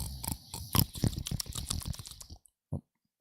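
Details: Snoring recorded from a sleeping adult woman on a long weekend, with sounds like eating in her sleep.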